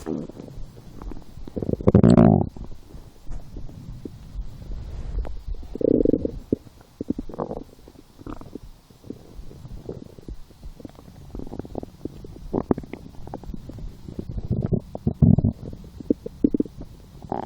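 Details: Person lying down, hungry after skipping breakfast, a small lunch, then two doughnuts four hours later: repeated low gurgles and rumbles, some loud; stomach growling (borborygmi), a normal bowel sound.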